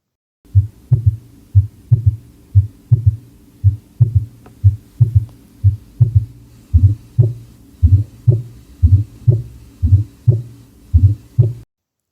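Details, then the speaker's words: Teaching demonstration of extra heart sounds: regular low heartbeats near 60 a minute, each with an extra soft beat giving a three-part gallop; S4 is a "ta" before S1. "el S4 hace un sonido ta antes del Loop tub estos sonidos se escucharían de la siguiente"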